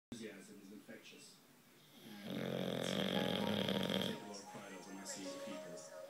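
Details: Snoring: a loud rattling snore lasting about two seconds, with quieter breathing noise before and after.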